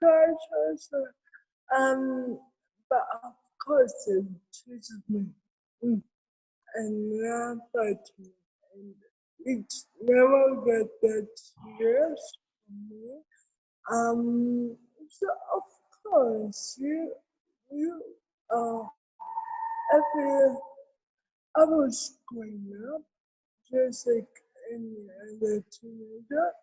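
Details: Adult woman with cerebral palsy, with dysarthria.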